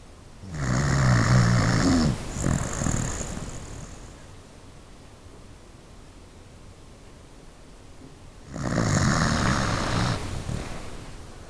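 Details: Pet dog snoring loudly while asleep: two rough, rattling breaths separated by a quiet pause.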